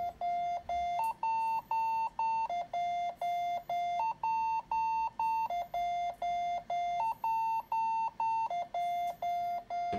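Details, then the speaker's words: Biyovent mechanical ventilator in spontaneous mode with unidirectional apnea setting: after the trigger is released the device switches to apnea mode and sounds a continuous repeating two-pitch electronic apnea alarm. "Después de soltar el gatillo, el dispositivo cambia al modo de apnea y las alarmas."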